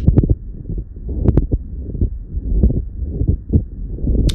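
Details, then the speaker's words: Teaching example of a pleural friction rub, an adventitious lung sound: low, coarse grating and creaking noises in the chest. "And seventh, we have a plural friction rub. This sounds like a grading or rubbing sound."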